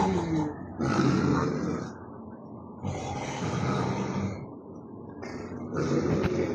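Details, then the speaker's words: Loud snoring at 2 a.m. from roommates sleeping in a shared room in Saudi Arabia, likened to roaring animals. "नींद आएगी ऐसे room में? जानवर भी ना इतनी आवाज नहीं करते जितनी आवाज ये करते हैं।"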